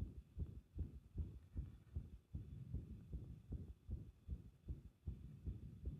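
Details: Fast low thumping heartbeat, roughly 150 a minute, with uneven spacing between beats, recorded with pressure applied; an irregular heartbeat (arrhythmia).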